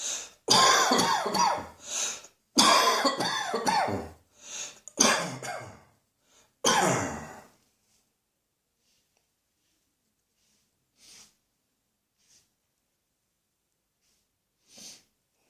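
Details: Cough: a run of harsh, explosive coughs and throat clearing over several seconds, followed by quiet with a few faint breaths.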